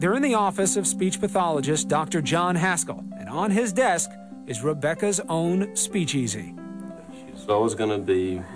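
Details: Adult narrator; no speech disorder.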